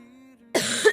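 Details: A girl with a cold during a live stream; she had thought she was better the day before, but her cough has worsened: a brief hummed tone, then one harsh, rough cough.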